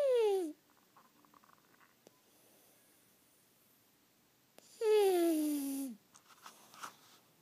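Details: Sleeping pug dog making two high, whistling, falling-pitch breath noises in a quiet room, a tonal snore: snoring.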